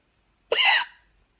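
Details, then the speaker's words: Single sharp, abrupt hiccup with a voiced catch from a woman with hiccups for about six minutes, possibly after inhaling a small lemon cake; hiccup. "these are like really aggressive hiccups oh what even our hiccups weird aren't they"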